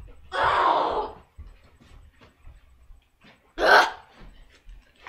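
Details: Two harsh, forceful cough bursts with quiet, strained pauses after swallowing a spoonful of cinnamon powder (cinnamon challenge); the person reports a sore throat and difficulty breathing.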